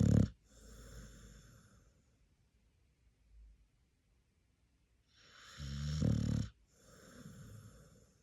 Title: Where’s my dog parents at? 😂😴🩵 #sleepyboy #naptime #pitbulllove #snoring🐾🩵